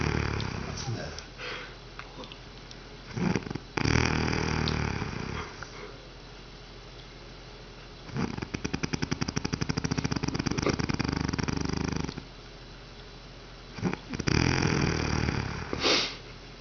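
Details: Loud, rattling snores with harsh, fluttering breaths in and out, separated by quieter pauses, from a sleeping woman; heavy snoring.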